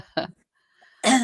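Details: Two short, harsh coughs separated by a pause, fitting a lingering chest cough, from an adult woman, a grandmother who says she can't talk easily this morning, heard during a live talk broadcast.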